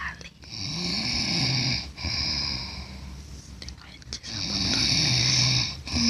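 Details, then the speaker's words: Loud, rattling open-mouth snoring during sleep, harsh and vibrating, with some room noise and onlookers' talk urging the snorer to close his mouth. "net net enak ngorok bang. Net net waduh, tutup mulutnya."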